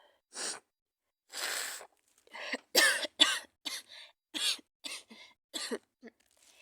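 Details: A person with a bad cold and fever, sneezing and coughing in bed: a run of about ten short, sharp coughs with breaths between, a few longer and hoarse.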